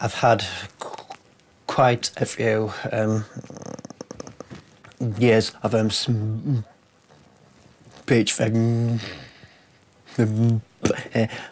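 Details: Adult man with a severe stammer his whole life, enrolled on a McGuire stammering programme course; stuttering.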